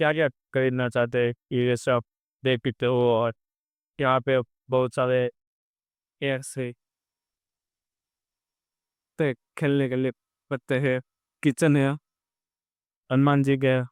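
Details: Real stuttering in a male vlogger on day 27 of his stammering-control journey, using pausing and pacing techniques while speaking live on a ferry; a background-noise-removal filter altered his voice.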